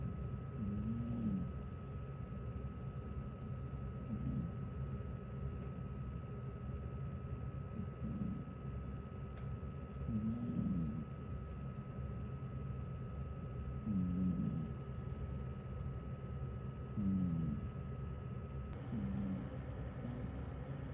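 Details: Faint, soft, low snores about every three seconds from a sleeping 19-year-old senior cat, born 2007, over a steady room hum: snoring.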